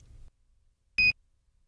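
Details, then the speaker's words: Philips HeartStart HS1/OnSite AED maintenance chirp in a training video: one short high-pitched chirp as the self-test finds the SMART pads cartridge unusable, with the ready light off and the i-button flashing. "if the self test indicates the cartridge is not suitable for use the heart start on site will chirp the ready light will go off and the eye button will flash"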